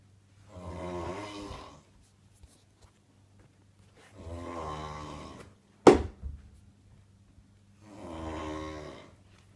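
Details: Man snoring: three regular low, buzzing snores on inhalation, about every 3.5 seconds, near 17 breaths a minute, with one sharp knock in a quiet room.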